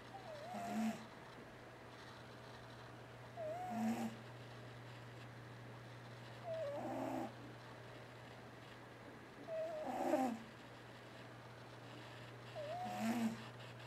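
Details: T-Jay, a male cat, asleep and twitching while dreaming: regular noisy snoring breaths about 20 a minute with a faint squeaky whistle; snoring.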